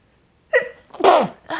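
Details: Brief voiced in-breath followed by a single loud, explosive, self-induced sneeze; nose very sensitive, possibly getting sick; sneezing.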